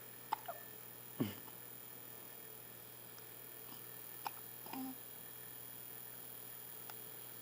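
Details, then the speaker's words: Hiccups after dinner: soft, brief, irregular hiccup-like catches, about five over seven seconds, against steady room hum. "A little hiccup action going on, but that's alright. It's relaxing."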